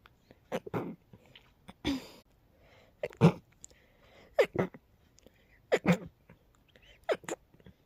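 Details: About six sharp, explosive sneezes in quick succession, some paired, over eight seconds, from a sleepy person; repeated sneezing.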